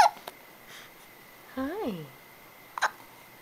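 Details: An abrupt, squeaky voiced catch of breath with a couple of small clicks in a quiet room; a hiccup.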